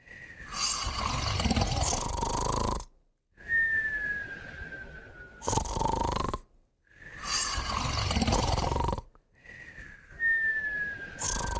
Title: Moumou & Puppy Snoring & Whistling Together